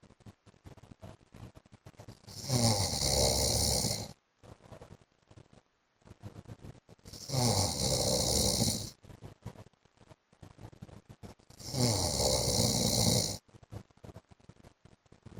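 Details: A wife records her husband snoring in his sleep: three loud, rasping snores at about 13 breaths a minute, with quiet gaps between them.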